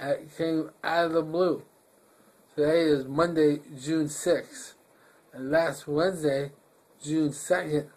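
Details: Flaccid dysarthria with hypernasality in an adult man recently diagnosed with myasthenia gravis, an autoimmune neuromuscular disease; sudden onset about five days earlier, with double vision, inability to swallow or pucker his lips; recorded in hospital.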